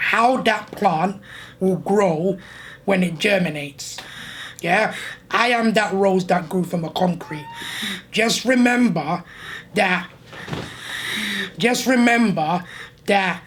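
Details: Adult man born six months premature with a narrow airway obstruction, living with a permanent tracheostomy tube; gasping for air audible while talking; tracheostomy voice with audible breathing.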